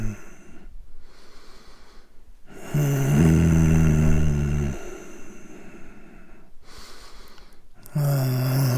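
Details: Snoring sound effect of an adult sleeper: quiet breaths broken by loud, low, rattling snores lasting about two seconds, a second snore beginning at the end.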